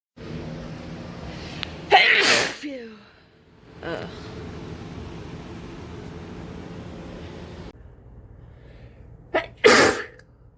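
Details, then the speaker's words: Person with a cold sneezing into a face mask: two forceful sneezes, the second preceded by a short inward catch, with quiet room noise between them, during repeated sneezing. "Oh, I can feel more coming. Phew. I just can't stop sneezing."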